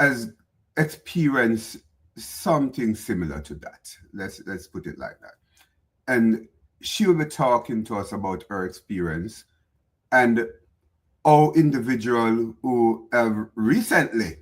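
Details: Adult man speaking; normal speech.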